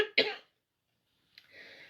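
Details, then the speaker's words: Single sharp, dry cough from an adult who says they have a cough, during a guided meditation in a quiet room, followed after a pause by a soft breath in. "all types of pull you off that I've got a cough I'm gonna keep coughing during this I won't put you off"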